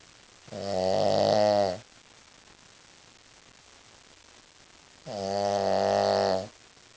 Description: our Shih Tzu really gets into her nappy time